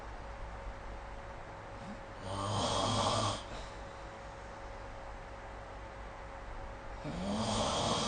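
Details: Sleep snoring recorded with the SnoreLab app: two loud, rattling snores on breaths in, about five seconds apart, with quiet breathing and a steady faint hum between them.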